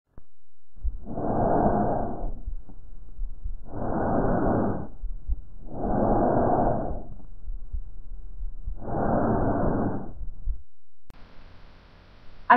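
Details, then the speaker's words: Bronchial breath sounds: loud, hollow, tubular breathing of the same character in inspiration and expiration, heard over the larynx and trachea above the sternum; not heard over healthy lungs. "el árbol respiratorio tiene el mismo carácter durante la inspiración y espiración y se oye como un sonido marcado en la laringe y en la tráquea sobre el esternón"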